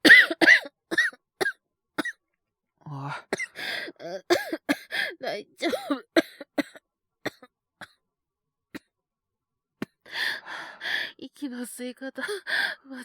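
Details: Simulated coughing fit acted by a male voice actor, a character waking ill with stomach pain: repeated short coughs with gasping breaths between.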